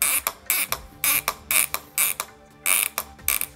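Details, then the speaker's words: Rhythmic bursts of sharp, high grinding squeaks as a suture anchor is screwed into bone during arthroscopic rotator cuff tear repair; this sound indicates that the anchor holds well. "das geräusch das man gerade das genau das was wir hören wollen wir dann wissen wir dass der anker gut hält"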